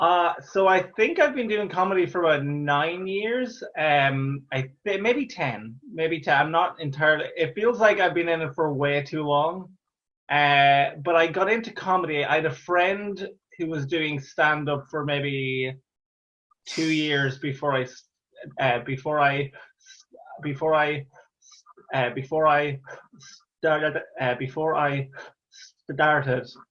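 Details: Real stammer in an adult Irish male stand-up comedian who has stammered through his comedy career since 2010, speaking conversationally with repeated phrases; stuttering (stammering).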